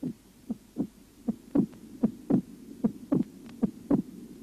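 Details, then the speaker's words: Regular heartbeat near 76 a minute, with an accentuated, split second heart sound over the pulmonary artery area in mitral stenosis, from a cardiac auscultation teaching recording. "на лёгочной артерии при митральном стенозе выслушивается акцент и расщепление второго"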